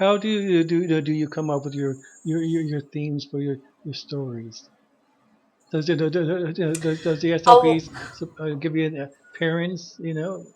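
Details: Adult male asking a question with audible word repetitions; stuttering.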